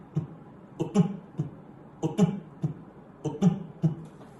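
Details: Fourth heart sound (S4 gallop): a low-pitched presystolic sound from atrial contraction just before the first heart sound, heard only with the stethoscope bell at the apex.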